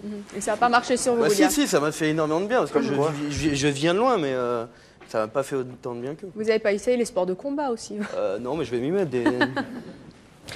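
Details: Adult man who has stuttered since childhood, for about 30 years, still stutters and calls it a handicap; stuttering.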